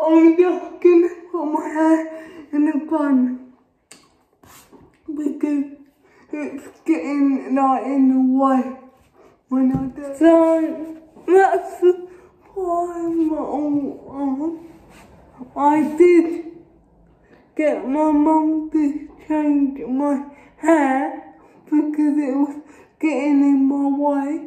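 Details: Dysarthric speech in an adult woman with cerebral palsy.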